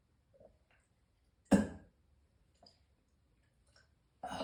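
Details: Morning cough: a single sharp cough burst, then quiet throat and breath noises, and a second burst starting at the end, in a quiet room.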